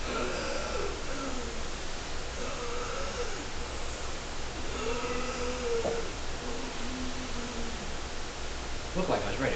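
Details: Simulated, not a real patient: a lecturing physician imitates inspiratory stridor of vocal cord dysfunction with high, whistling, strained breathing noises from the throat.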